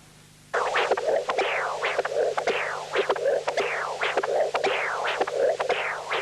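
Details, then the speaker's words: CW Doppler of a ball-cage mitral prosthesis implanted five years, patient in sinus rhythm: regular whooshing flow with sharp valve clicks; early peak 1.5 m/s, atrial peak 1.8 m/s, end-diastolic 0.3 m/s, no end-diastolic gradient, normal function. "by CW Doppler the early velocity Peak is 1.5 m/s and the atrial velocity Peak is 1.8 m/s the enddiastolic velocity at the closing click is much lower 0.3 m per second indicating no n diastolic gradient"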